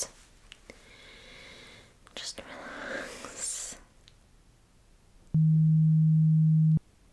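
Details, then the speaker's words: Simulated ASMR hearing test roleplay: after soft rustling and a whisper, a steady low beep tone lasts about a second and a half. "So, you could actually hear a beep sound. Great."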